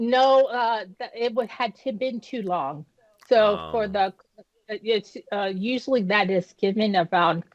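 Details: Woman who had a stroke at age 36 that damaged about a third of her brain, including the speech center. She was initially unable to speak and had right-side paralysis. She has aphasia and apraxia of speech with lasting audible effects.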